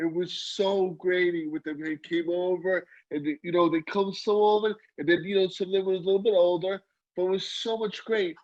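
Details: Aphasia in a male stroke survivor about 15 years after his stroke, with ongoing communication difficulty and inability to write.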